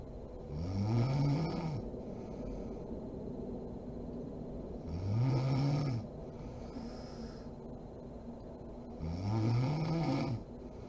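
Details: Mother (adult woman) asleep: low, vibrating snores on each breath in, about 14 breaths a minute, with quiet breathing between; sleep snoring.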